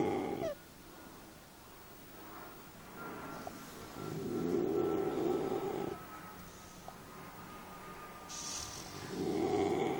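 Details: Sleeping bullmastiff gives soft, rough, rumbling breaths repeating every few seconds over faint room hum; snoring.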